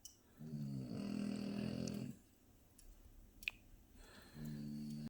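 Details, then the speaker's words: French bulldog snoring by the fire: two drawn-out buzzing inspiratory snores separated by a quiet exhalation, faint crackling in background. "Phoebes, you're snoring, girl."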